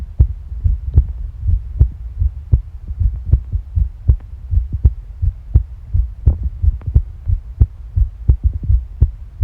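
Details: Ordinary heart sounds: steady, regular heartbeat thumps at about 80 beats a minute over low gurgling and rumbling stomach bowel sounds.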